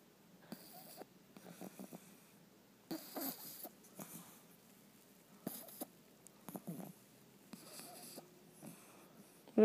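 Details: Sleeping female dog snoring while shaking as if dreaming: soft, irregular snuffling snores and snorts in a quiet room; snoring.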